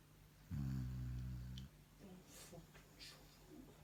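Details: Sleeping shar pei dog snoring: one loud, low, rumbling snore lasting about a second, then quieter breathing and faint rustling.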